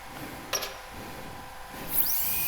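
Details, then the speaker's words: Brief high whine and hiss of a dental handpiece whose water spray is switched on with the foot switch, over steady room hum, on a student dental training simulator in a skills lab. "contohnya Hai ini air tidak jalan kemudian kalau ini dihidupkan airnya Jalan nyembur"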